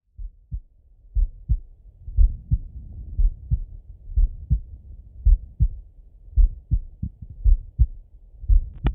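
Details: Heart auscultation with a stethoscope while lying relaxed in bed: steady paired low thumps of a resting heartbeat, about 56 beats a minute, normal heart sounds.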